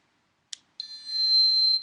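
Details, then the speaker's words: Flocare Infinity enteral feed pump with Nutricia feed, used by a patient with a nasojejunal tube, switched on: a short click-like chirp, then a sustained high-pitched electronic start-up beep. "And it'll beep and start flashing all sorts of things."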